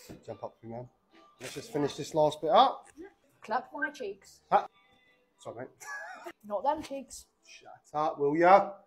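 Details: Barber with Tourette syndrome speaking with vocal tics while finishing a haircut; vocal tics (Tourette syndrome).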